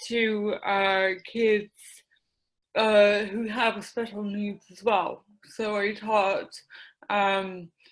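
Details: Dysarthria in an adult woman with mild cerebral palsy affecting her speech, the right side of her face and the right side of her body; she describes a speech impediment and also has ADD.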